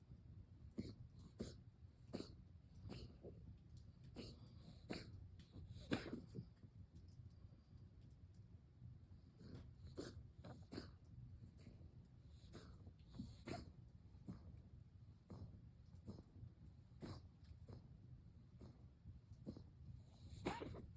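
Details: Dog coughing, recorded 31 Dec 2024: repeated short, dry coughing bursts in a quiet indoor room; cough in a dog.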